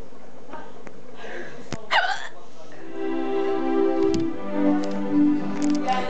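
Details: Hiccups from a drunk person walking around during a night out: a sudden, sharp vocal catch with a brief squeak, with sustained keyboard-like music in the background.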